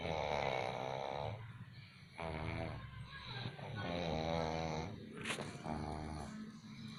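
Loud rattling, vibrating snores on each breath, with a brief snort; snoring.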